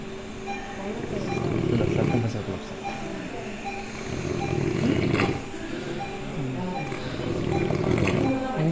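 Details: Continuous loud, rough snoring with rattling surges on each breath during drug-induced sleep endoscopy (DISE); multilevel upper airway obstruction with epiglottis collapse.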